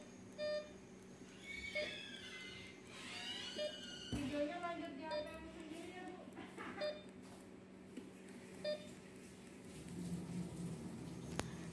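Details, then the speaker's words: Mindray infusion pump demonstration: regular short beeps about every two seconds while a quick fluid bolus runs via the bolus button, with speech and room noise behind; infusion pump beeping. "turns out the roll has not been raised so it looks like there is an alarm there is a blockage so we don't forget"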